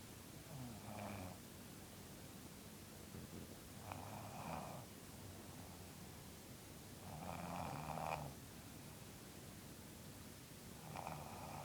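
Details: Mother asleep, with her loudest and weirdest snoring: irregular rumbles, some with a whistling, buzzing edge, about every three to four seconds over steady background hiss; snoring.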